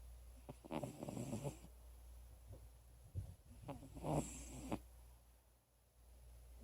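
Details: Soft, rough snorting breaths from an elderly cat of about 16–17 years with asthma and habitually very loud snoring, resting in bed in a quiet room: light snoring.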